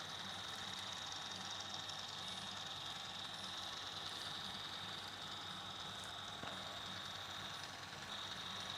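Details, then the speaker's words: Steady high-pitched whine with faint hiss as an intraoral scanner takes a digital scan of the teeth during a new-patient dental check-up, before an OPG. "cool going take a digital scan of your teeth"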